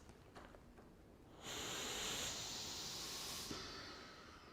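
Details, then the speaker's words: Rescue breath delivered through a pocket mask into a CPR training mannequin after head tilt to open the airway, one of two breaths between 30 compressions: soft airy rush lasting about two seconds, watching chest rise and fall. "and then you need to tilt to open the airway and deliver two breaths I just need to see chest rise and fall"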